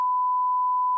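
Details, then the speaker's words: Steady, pure mid-pitched tone lasting about a second, the first level of an age-based home hearing test for family members, said to be audible to anyone; test done after a girl reported tinnitus and muffled hearing in her right ear, linked to loud AirPods use. "보니까 언니가 우리 청력 테스트 해 준대 넌 청력이 좋니"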